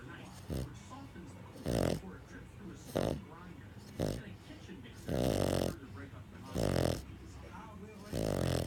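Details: Pug snoring after a hard day at doggy day care: regular loud, coarse, throaty snorting breaths about every 1.5 seconds over a steady background hum, snoring in a flat-faced dog.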